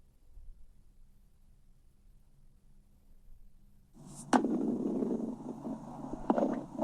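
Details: About four seconds of quiet, then a loud, sustained gurgling rumble with a couple of sharp clicks: typical stomach growling (borborygmi).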